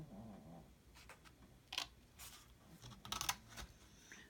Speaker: you were in the room with me right now you can hear my dog snoring so funny